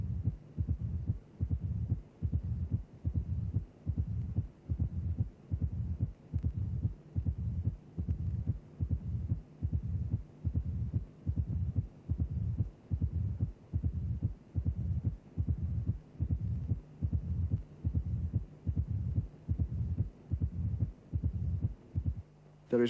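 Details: Opening snap of mitral stenosis in a cardiac auscultation teaching recording.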